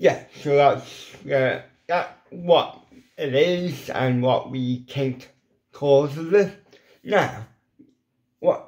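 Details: Dysarthria from lifelong ataxic cerebral palsy in an adult man with an involuntary hand shake and epilepsy; CP affects his mouth muscles, leaving his lips paralysed and weak so some letters are hard to pronounce.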